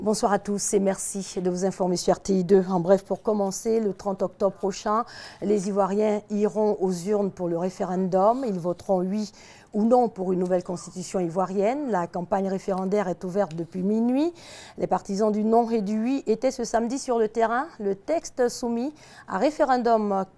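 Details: Adult woman, news reader; typical speech.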